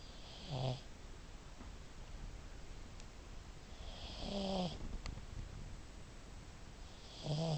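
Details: A pet pug that snores really loud gives low, rattling snores every three to four seconds (about 17 a minute) over a quiet room hiss; snoring in a small flat-faced dog.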